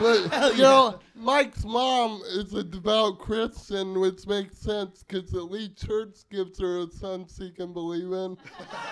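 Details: Adult man speaking on stage; dysarthria (cerebral palsy).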